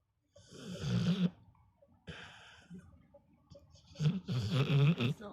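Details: Sleeping American Staffordshire Terrier, apparently in a vivid dream, snoring with irregular snorts and soft vocal whimpers between breaths.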